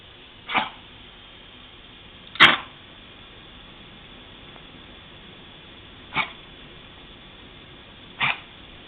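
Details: Pug dog coughing: four short, sharp, dry coughs spaced a few seconds apart against quiet room noise, recorded on a mobile phone.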